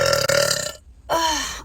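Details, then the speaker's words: Young woman burping: two long, loud, drawn-out burps separated by a short pause. "There's still some in there, so you have to put air in to get it just to all release."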